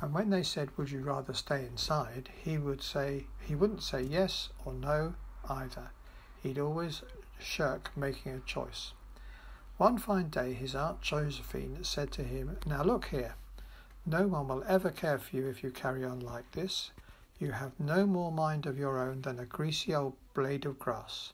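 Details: 75-year-old man with vocal fold atrophy following COVID-19, reading a standard passage; post-COVID-19 vocal fold atrophy.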